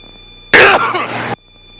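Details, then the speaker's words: Sneeze in a small aircraft cockpit during flight training: one loud, explosive burst with a cough-like tail over steady engine hum, partly sounding like a cough. "Excuse me. Bless you. That was a sneeze. Yeah, no, that was kind of a sneeze off."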